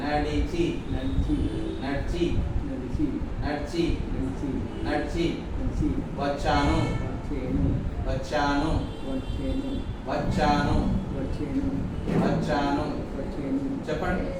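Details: Adult man with brain damage (possibly haemorrhage, accident or clot) in speech therapy, unable to say how he came and repeating a phrase while trying to retrieve words; apraxia of speech / aphasia.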